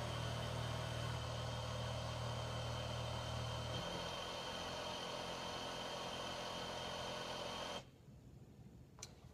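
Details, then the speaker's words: HT70-plus transport ventilator internal self-test after the patient circuit is opened: a steady machine hum steps down through about four or five fan-speed levels, then cuts out with a click, checking it can ventilate at correct settings. "and then if you listen you're gonna hear it go through I believe like four or five levels of fan speed so this is just kind of an internal diagnostic to make sure that it's able to run a ventilator at the correct settings"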